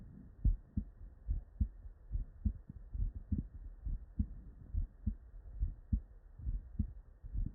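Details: Real, unedited bedside recording from a human with normal cardiac physiology: steady lub-dub at about 70 beats a minute with clear first and second sounds, normal S1 and S2.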